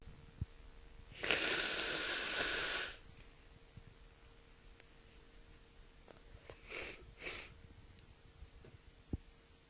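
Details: Person sick with a head cold sneezing: a long hissing, breathy burst followed by two short snorting sneezes, with heavy spray.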